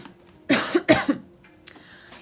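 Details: Persistent cough described as a pregnancy symptom in a pregnant woman: two quick dry cough bursts followed by throat clearing.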